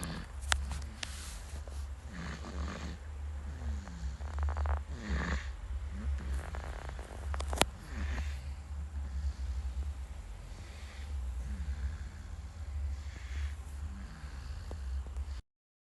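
Low rumbling, fluttering snores on the breaths, some with snorting catches, over steady low background noise.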